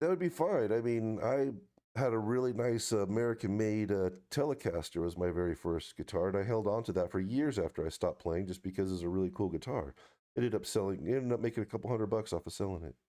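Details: Adult male speaker; no disorder.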